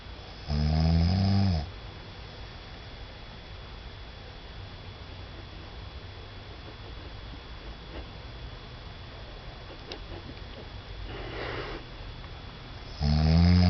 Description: My wife took this video of me snoring after we got back from our trip to Taiwan. The jet lag really did it.